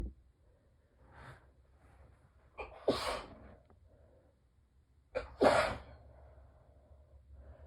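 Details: Two morning allergy sneezes muffled by tissues pressed tightly to the face, each with a quick breath in and a stifled burst, in a quiet room; allergic sneezing.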